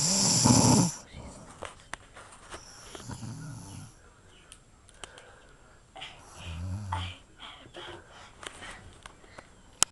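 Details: Aunt snoring during sleep: three low, rumbling snores on in-breaths with quiet gaps and faint background sounds between; ordinary snoring.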